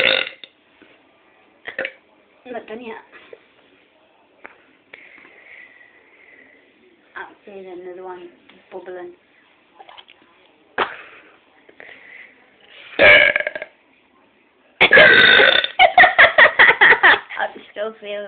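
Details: A woman who says she can't stop burping belches repeatedly, with loud, gurgling, rapid burps in a run, consistent with frequent eructation.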